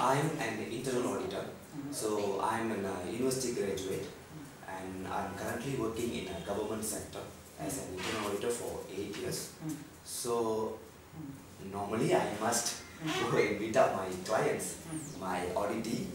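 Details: Adult man with puberphonia (feminine voice in males), recorded after 5 days of voice therapy that brought out his deeper voice; normal male-pitch voice after puberphonia therapy.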